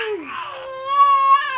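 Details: Infant boy crying, apparently wanting to be held by his mother: a short fussy cry rising into a steady wail; ordinary crying.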